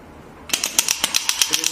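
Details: GINHA HL1602 portable radial shockwave therapy device for physiotherapy: quiet room, then sharp bright clicks at about eight per second as the handpiece fires on a gel-coated pain point.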